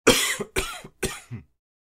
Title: Cough Male / Voice, Human, Groan, Vocalization, Grunt, Gasp, Gag, Choke, Cough, Throat